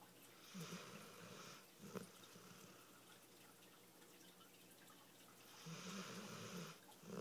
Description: Bicycle had a fun day at the beach and is super tired...snoring like a person.